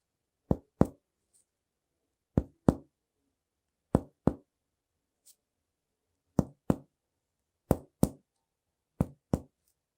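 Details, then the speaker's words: Chest percussion demonstration in a respiratory exam lesson: six pairs of finger taps on the chest, each giving a hollow, low, sustained note; normal resonant lung note (som claro pulmonar). "E aí e esse é o som Claro pulmonar"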